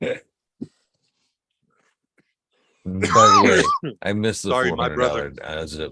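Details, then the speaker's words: An adult man gives two brief, sharp coughs during a podcast conversation about medicinal cannabis, then pauses and says he was coughing and missed the question. "sorry man i was coughing i didn't hear the last part"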